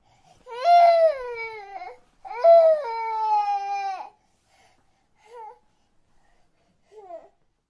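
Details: Infant crying, 3D headphone recording: two long, strong cries followed by a few softer whimpers in a quiet room.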